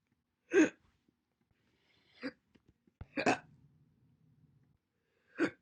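Four sharp, brief voiced hiccup sounds spaced a second or more apart in a quiet room; hiccups.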